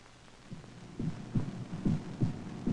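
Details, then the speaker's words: Regular paired low thumps of a normal heartbeat at about 70 beats a minute, as heard through a stethoscope at examination, over faint 16mm film hiss. "the sound you hear is the most important sound on Earth it is the sound of a heartbeat the sound of light this is what the doctor hears through a stethoscope at examination"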